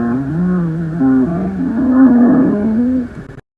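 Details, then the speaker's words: Rhonchi: a continuous low-pitched, snoring-like rumble through one breath, heard mostly in expiration, from air passing large airways partly blocked by secretions, mucus or inflammation, typically changing or clearing after coughing. "pueden ser difusos o localizados según la distribución de las secreciones y a diferencia de las cibilancias suelen modificarse o desaparecer después de la tos, ya que esta moviliza el material obstructivo."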